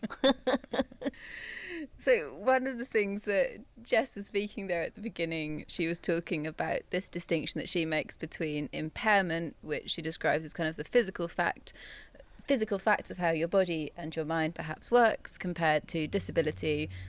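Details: Adult female presenter; normal speech.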